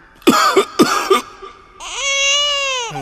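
A few quick, sharp coughs from a baby, followed by a high, sustained cry-like squeal.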